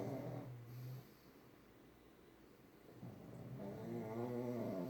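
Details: Pugs, a small flat-faced breed, snoring together while asleep: loud, rattling snores with a low, buzzing tone on each breath that briefly fade and then return.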